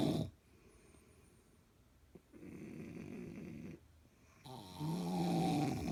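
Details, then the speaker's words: Low, rough breathing noises separated by quiet pauses, ending in a louder fluttering, vibrating breath; snoring heard daily, described as snoring in stereo. "This is what I gotta deal with, y'all, on a daily basis. I tell you, I got snoring in stereo."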